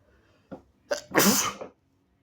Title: extremely wet snotty sneezes (he/they)